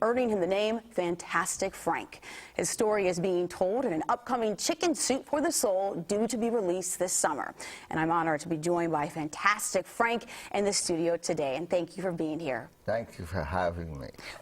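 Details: Adult female presenter, brief adult male reply; normal speech.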